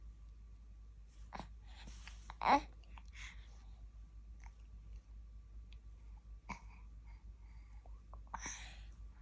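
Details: A two-month-old (64-day-old) infant gives a few short, soft cough-like bursts with faint breathing between, said to be coughing and farting at once: infant cough.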